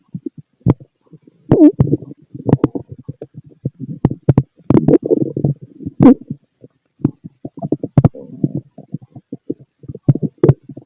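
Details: Stomach growling from a fit male heard through a stethoscope: frequent gurgling and rumbling with sharp pops; bowel sounds.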